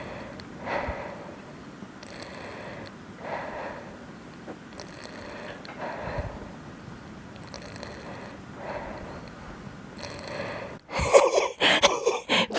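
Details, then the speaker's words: Lung crackles in a cystic fibrosis patient with evening breathing that feels tight. The device is held very close. Repeated breaths carry rough crackling, rattly noise, followed by loud handling noise. "Peter came in the room I was trying to show him the crackles so it just makes me like I mean my whatever my breathing has sounded like that for years now"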